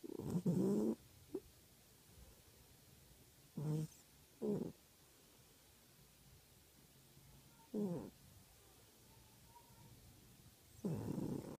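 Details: Cat snoring while asleep in the afternoon: short, soft snores recurring every few seconds with quiet gaps between.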